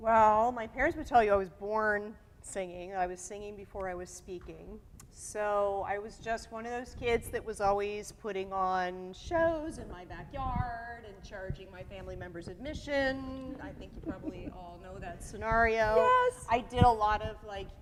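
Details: Adult woman speaking; Normal voice.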